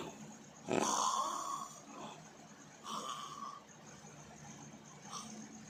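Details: Loud, harsh rattling snores on inhalation, about three in six seconds, with quiet breathing between; heavy snoring.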